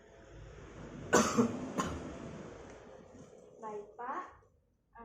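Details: Simulated nursing demonstration of chest physiotherapy and effective coughing on an adult male patient: after 2 minutes of back tapping and deep breaths in and out, two sharp, forceful coughs and a short vocal sound to clear phlegm and ease breathing.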